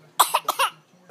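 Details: A child's deliberate fake cough: a short run of four quick, intentional cough bursts; voluntary cough.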